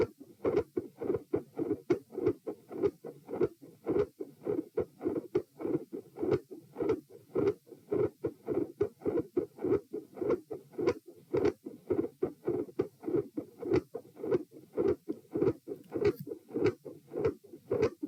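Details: Heart sounds recorded at position P with patient sitting: regular rhythm, quiet S1 and loud S2 with fixed split; near the end S1 and S2 louder, a murmur appears and S2 split widens.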